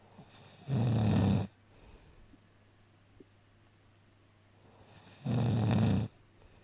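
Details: Australian husband snoring: two loud, low, rattling snores on inhaled breaths about four and a half seconds apart, quiet in between; ordinary snoring.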